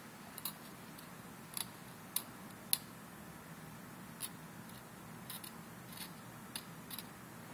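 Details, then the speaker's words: Sharp, irregular metallic scraping clicks, about 105 per minute, from a hand scaler removing simulated calculus on maxillary anterior teeth, lingual surfaces away, midline rolling to distal, using mirror, on a practice model. "Looking down on my mirror, I'm doing surfaces away from the lingual. Again, going from the midline of the tooth, rolling into the distal."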